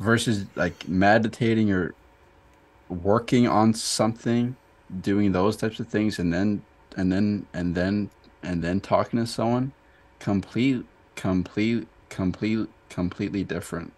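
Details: Adult man who stutters; stuttering with audible word and part-word repetitions.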